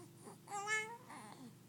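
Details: An 11-week-old baby boy gives a brief high-pitched cry with a short wail and fussing vocal sounds; an ordinary infant cry.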